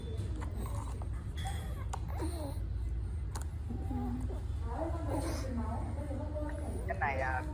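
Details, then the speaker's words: Laryngeal stridor in a child, presented in a pediatric hospital lecture on abnormal breathing sounds: harsh, high-pitched noisy breathing from a narrowed upper airway. "nên chúng tôi xin không được sâu lắm về phần thở dít thanh quản Đây là tiếng thở rít"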